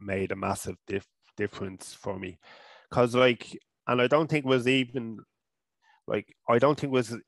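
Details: Adult man from Ireland who stutters, first seen by a speech therapist around age 5 or 6.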